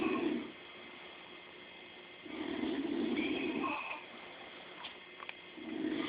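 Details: Two sleepers snoring at the same time all night: soft, rough, low snores recurring about every three seconds in a quiet room.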